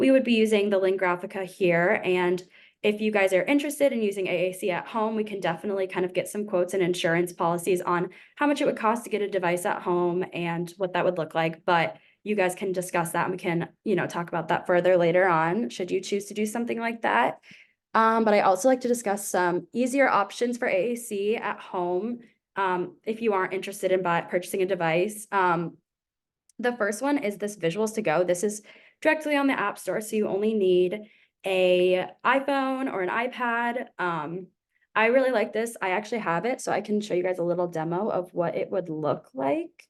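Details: Adult woman speaking; normal adult speech.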